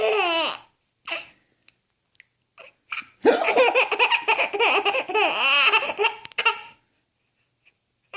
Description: Cute baby laughing while getting hiccups. Funny baby clip, cute four month old was getting hiccups, his father and sister started imitating him and this turned out into a laughter competition!